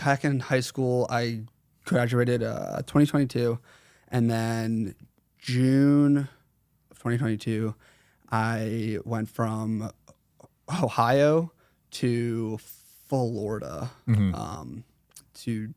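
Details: 21-year-old male with stuttering since 4th grade, severe in the past, variable in severity and worse when consciously processing what he says.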